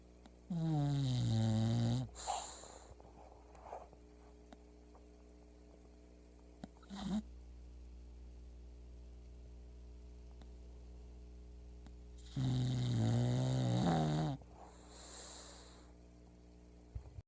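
Two long, loud rattling snores about ten seconds apart, with soft breathing between them and a steady hum in the room.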